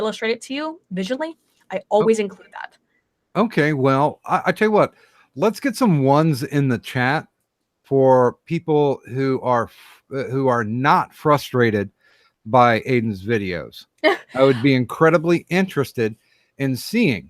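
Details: Adult male speaker; normal conversational speech.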